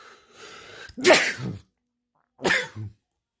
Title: World Loudest Sneezes Compilation January